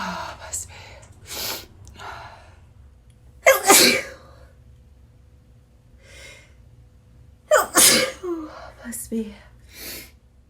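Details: Two loud, sharp sneezes in a person, each preceded by a quick inhaled gasp, with quiet talking between; the sneezer suggests an allergy may be the cause.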